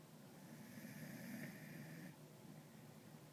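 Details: Callie, a pet sleeping in the owner's lap, snoring: soft, rough, fluttering breath noise lasting about two seconds, then fading into quiet room noise.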